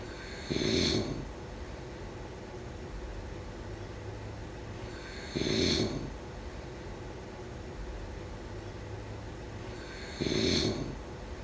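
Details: Regular rasping snores on each in-breath, about twelve a minute, over steady background noise; snoring during sleep.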